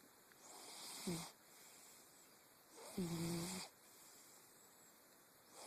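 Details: Sleeping cat: two soft breaths about two seconds apart, each ending in a brief squeaky whistling snore, over steady background hiss. Snoring.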